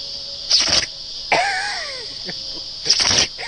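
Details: Two sharp, explosive sneezes with a short whine between them, over a steady insect-like hiss outdoors; owner suspects water in the nose after going in too deep; sneezing.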